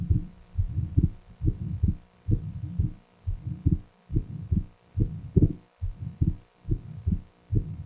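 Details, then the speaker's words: Atrial septal defect heard at the upper sternal edge near the pulmonary area, played at slow speed: first heart sound, then an ejection systolic murmur, then a split second sound (whether the split is fixed is uncertain). "It's clear, isn't it? You hear the ejection, first heart sound, ejection systolic murmur, and the fixed, you can't say fixed or not, but the splitting you can hear."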